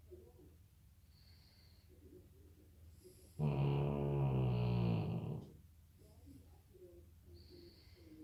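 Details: Snoring in sleep: one loud, low, rattling inward snore of about two seconds between quieter breaths.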